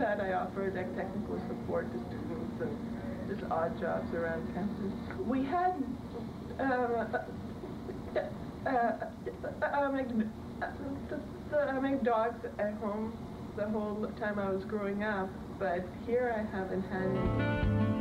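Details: Woman who has stammered all her life, recorded in 2006 before taking a speech management programme (McGuire programme); word and part-word repetitions; stuttering.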